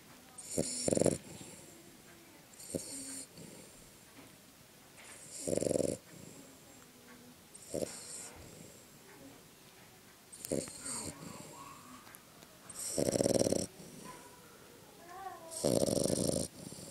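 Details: A Frengle dog snores after a hard day, in loud, irregular snorting bursts, about seven over seventeen seconds, with quieter breathing between them.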